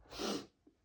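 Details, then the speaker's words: One sharp, breathy sneeze followed by a faint sniff, from an intense rapid allergic sneezing fit of 60+ sneezes in a male on a rough allergy day with an itchy, tickling nose. "I can't deal. I can't deal with so much sneezing. Oh my god. Not today. Not today."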